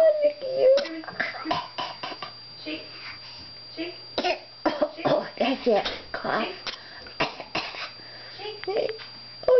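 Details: Toddler giving short, sharp fake coughs on request as grandma teaches him, amid an adult's chatter and child sounds.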